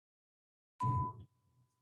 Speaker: este sería más un tono bueno estas son algunas digamos ejemplos que elegí como para que se den una idea que se siente teniendo ese ruidito en el oído